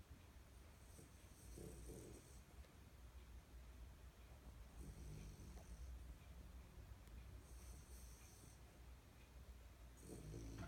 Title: Scooter snoring